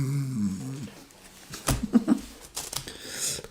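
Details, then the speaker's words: Sleeping female snoring: a low, rumbling snore with a few other room sounds. "Oh, you can hear her, she's snoring."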